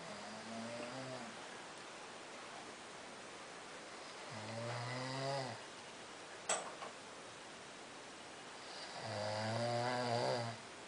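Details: Someone snoring while asleep: three slow, low rattling snores on the in-breath, about twelve a minute, in a quiet room.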